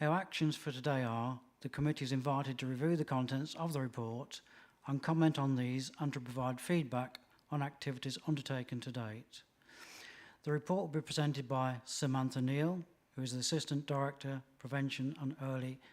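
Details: Adult male speaker; Normal speech.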